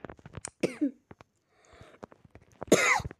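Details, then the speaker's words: Two harsh, voiced coughs from a sick adult man during gameplay commentary, with faint clicking and soft background sounds between them. "Bu arada bu videonun Eğerki tekrar düzenlenmiş görebilirsiniz çünkü hasta olduğum için biraz öksürük sesi geliyor"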